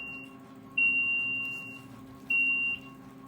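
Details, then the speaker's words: Hemodialysis machine alarm: two steady high-pitched electronic beeps, about one and half a second long, over quiet room hum. Recorded during treatment of an adult with end-stage renal disease awaiting kidney transplant. "I'm in treatment right now. So, that's what you're hearing. You hear some beeps. That's me um in treatment right now."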